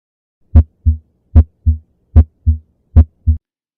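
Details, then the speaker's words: Normal heart sounds at about 75 a minute, auscultated at the apex, where the first sound is louder; the first sound is best heard at the apex and the second at the base. "первый тон лучше выслушивается на верхушке а второй на основании"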